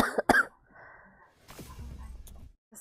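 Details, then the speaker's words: Cough from a girl who says she caught a very bad cold and has lost her voice: two sharp coughs followed by a harsh, rough throat clearing during a gaming stream. "하실래요 감기가 아주 세게 걸려가지고 기침소리 많이 드리고요 양 부탁드립니다"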